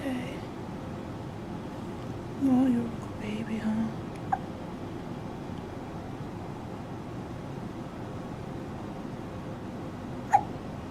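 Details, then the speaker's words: Newborn baby on the day of birth, first hiccups outside the womb: quiet room with soft baby sounds and brief sharp hiccup catches. "Okay. first outside the womb hiccups."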